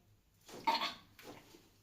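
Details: During a preventive manual therapy (chiropractic) session: a single short, harsh burst followed by a softer second one in a quiet room; a brief cough.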